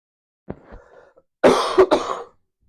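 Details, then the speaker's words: Adult who has been sick for about a week, with a painful, swollen throat: a light throat clear, then a loud burst of two or three rough, chesty coughs. Productive cough from a chest infection. "apologize for the coughing. I've been sick for a week now."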